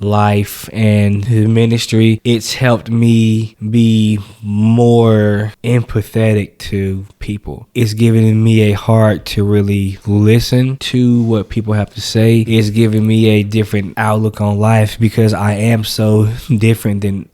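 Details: Adult man who says he has stuttered since age 5, speaking on a podcast; stuttering.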